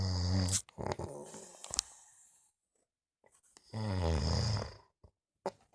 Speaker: It's a motorbike next to me. A sleeping motorbike.